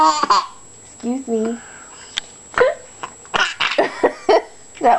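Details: Short sudden hiccup gulps from a mother, interspersed with her baby son's giggles and soft talk.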